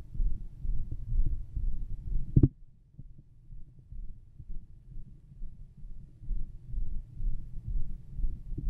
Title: My heart and stomach sound